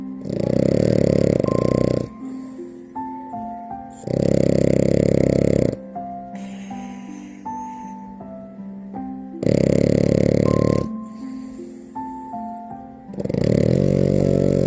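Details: French bulldog (Frenchie) puppy snoring while sleeping and being cuddled: loud, low, rumbling snores in long bursts, alternating with music-filled pauses.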